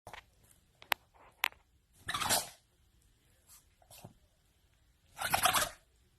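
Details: Two brief, forceful noisy bursts through the nose, typical of an animal sneezing, in a quiet room with a few faint clicks; sneezing.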